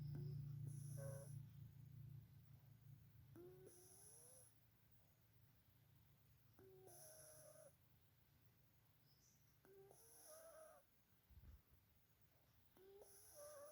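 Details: Sleeping cat with soft, rhythmic snoring and faint snorting breaths under some background noise; snoring.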